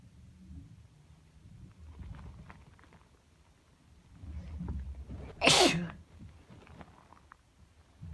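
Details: A person with a cold gives a single loud, explosive sneeze after a quiet, noisy stretch.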